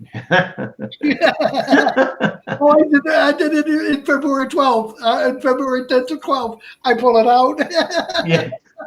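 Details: Adult man, about 57, with Broca's aphasia from a stroke at age 46 (March 2011), over 8 years post-onset; also a heart transplant recipient; limited speech, effortful word finding, more difficulty with verbs than nouns; Broca's aphasia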